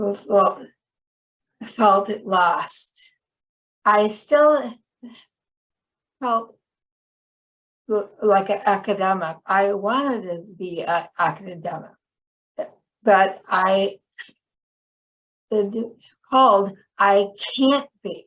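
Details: Woman with chronic aphasia after a 2010 stroke that initially left her unable to speak; she had to relearn speech; finding: aphasia.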